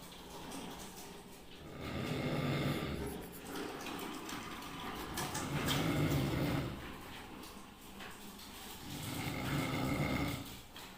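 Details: Orange cat snoring loudly: rough breaths about 16 a minute, swelling and fading in slow cycles; snoring.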